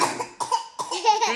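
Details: Toddler triplets in a playful coughing contest: three quick, high-pitched deliberate coughs from a toddler, made in play rather than from illness.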